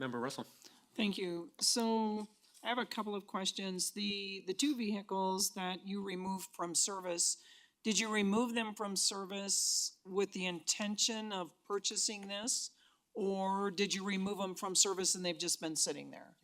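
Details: Adult speaker; normal speech.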